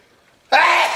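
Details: Man sitting in a reclining chair, anticipating then delivering a sneeze as a woman laughs: half a second of quiet, then a sudden, very loud, forceful voiced sneeze burst.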